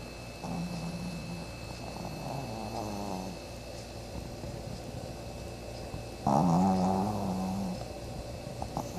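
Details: Loud snoring in a sleeping animal: two drawn-out, low, fluttering breath noises over a faint steady room hum.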